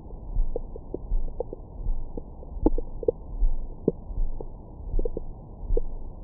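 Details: Bowel sounds recorded with a Stemoscope stethoscope microphone on the belly after a large meal: muffled low rumbling with brief gurgles and small squeaks, ordinary bowel sounds.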